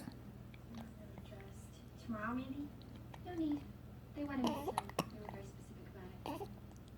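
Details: A young child's voice with several short, abrupt catches in the breath between sounds over a steady background hum; hiccups.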